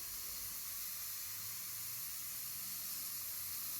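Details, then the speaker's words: Dental cleaning of teeth after braces removal to clear leftover bracket glue, done by a dentist: continuous high hissing spray of the cleaning instrument over faint room hum; dental cleaning instrument. "Okay, you guys can see that the machines look really scary, and I mean, the guy is kind of having a drilling thing in your mouth, and you just have to trust him and allow him to do his job."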